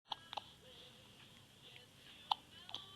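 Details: Baby with hiccups, filmed by a new father: four sharp, abrupt hiccups within about three seconds, with quiet room sound between them.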